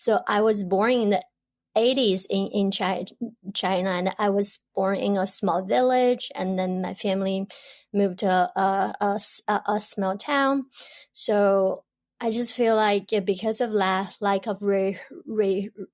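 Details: Adult woman who stutters, stuttering since about age 7 or 8, stutters in her Chinese dialect, Mandarin and English; stuttering.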